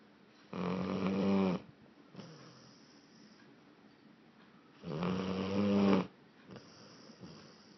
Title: Boozer The Blue Lacy: Loud Snoring Dog